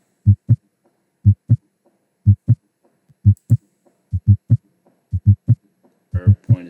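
Simulated heart at Erb's point: regular paired lub-dub beats at about 60 a minute, no murmur, normal heart sounds; brief speech at the end.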